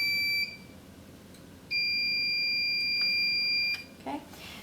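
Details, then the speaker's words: Heska veterinary fluid pump turned off and back on: two steady high-pitched electronic beeps with a gap between, the infusion pump power-on tone. "and then I'm going to hit off and turn it off now I'm going to turn it back"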